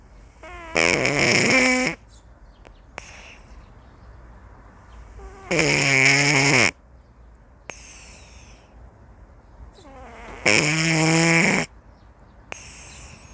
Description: It is the snoring sound of Ilsoon, a cat enjoying a leisurely nap.